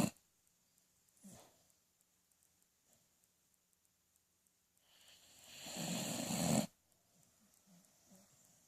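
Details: Quiet room, then one loud, rough snore on an in-breath that builds and cuts off sharply; snoring.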